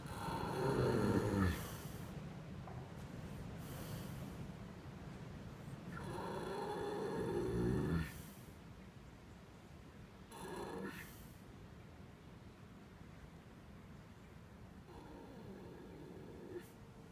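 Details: Rocky, fast asleep, recorded Nov 2015: loud, rattling snores on inhalation, about 7 per minute, each trailing into quieter breathing noise; very loud snoring.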